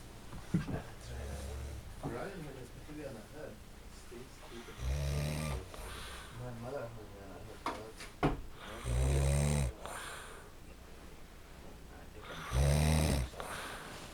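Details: Loud low rumbling snores on inhalation, about three in fourteen seconds, from a man sleeping at night, with soft voices and room noise in the background; snoring.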